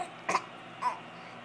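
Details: Deliberate fake cough from a four-month-old baby boy: two brief, soft, throaty cough sounds made to get his parents' attention, not an illness cough.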